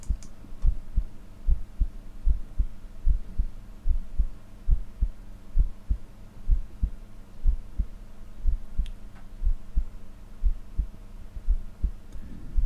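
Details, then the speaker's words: Normal heart sounds from an adult's own chest, recorded at night with a homemade DIY digital stethoscope: a steady, regular heartbeat with two low thumps per beat, about 80 a minute, over a faint hum. "I've located an area of my chest where it's picking up the heartbeat quite clearly you can probably hear that in the background"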